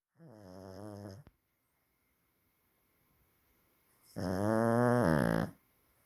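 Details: Dog snoring loudly: deep, droning, voiced breath sounds on inhalation, separated by quiet pauses.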